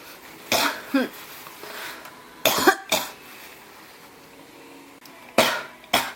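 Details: Repeated harsh cough bursts, about five in six seconds, some in pairs, in a quiet room; a persistent cough that won't stop, tagged pneumonia.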